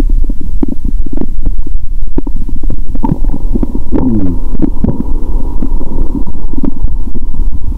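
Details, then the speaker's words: Loud continuous low rumbling and gurgling with frequent pops through a stethoscope on the abdomen while drinking cola with Mentos; very active bowel sounds. ""Hãy nghe âm thanh của dạ dày ♪". Tiếng gầm gừ của dạ dày tôi thật tuyệt vời. Tôi có thể nghe thấy nhiều âm thanh khác nhau."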